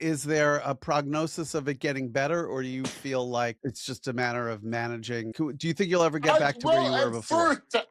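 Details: Adult male speaker; normal speech.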